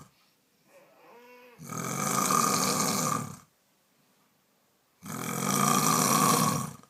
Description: Incredible Earth shattering snore wakes up baby!